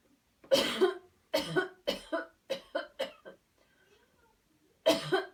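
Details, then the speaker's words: About eight forceful coughs in repeated bursts, then a pause and a double cough, on a deep-breath cue after counted breathing in a cleansing-healing coughing technique demonstration; the patient then says it hurts: voluntary coughing. "okay here we go one two three breathe in deep deep deep cough [Music]"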